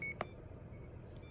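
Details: CADD Solis ambulatory infusion pump in PCA mode, being checked while the infusion is stopped; a single short electronic keypad beep over quiet room hum.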